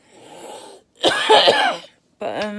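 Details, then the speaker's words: Adult under palliative care whose breathing worsens after a shower, with cough and wheeze: a harsh, rough, productive-sounding cough burst with throaty clearing on either side. "this happens when I get in the shower my breathing isn't good aah coughs bad so if if I cough or wheeze that's why"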